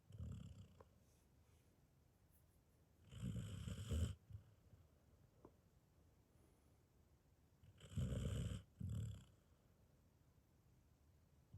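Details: Sleeping sheepdog (border collie), GD Jr, in deep sleep after a long day: three low rattling, rumbling snores on breathing in, with quiet pauses between. Dog snoring.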